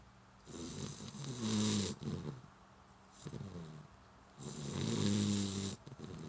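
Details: Sleeping puppy in its favorite spot: loud rumbling breath-in sounds and short breath-out noises, about two cycles in six seconds; snoring.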